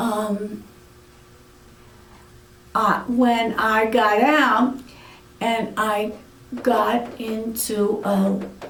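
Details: Aphasia in an adult woman following a severe stroke about eight years earlier.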